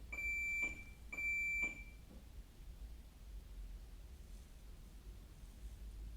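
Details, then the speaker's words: Defibrillator low-battery warning: two high, steady electronic beeps about a second apart in a quiet room; the defibrillator needs recharging and a battery change. "Turns out that beeping, if you could hear it, it was just our defib. Just needs a bit of a recharge."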